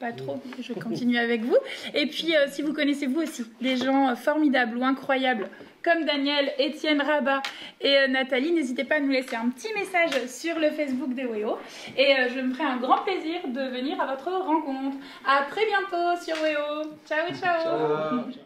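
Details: Adult woman speaking French; Normal fluent speech.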